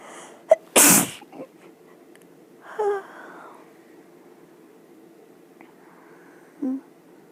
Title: Sneezes in bed